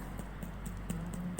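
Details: Abdominal percussion on a postpartum mother during a physical exam checking for distension: quick, evenly spaced finger taps distinguishing hollow tympany from dullness.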